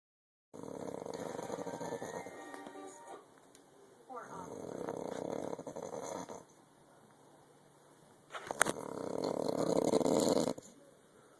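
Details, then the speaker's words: Snoring in a sleeping adult, recorded on an Android phone by a partner complaining about it: three rough, rattling snores in a row, each lasting a couple of seconds, over a faint background hum. "you are going to have to go sleep downstairs with all that snoring"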